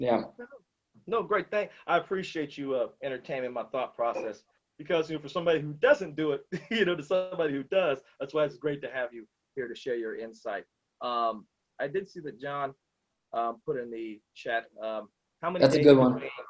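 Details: Adult speaker; normal speech.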